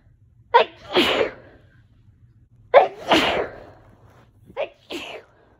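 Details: Allergic sneezing: three sneezes, each a quick in-breath followed by an explosive burst, the last one softer.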